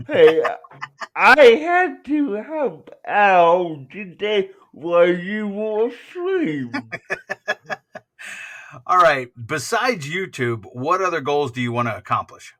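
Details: Adult man with cerebral palsy; dysarthria.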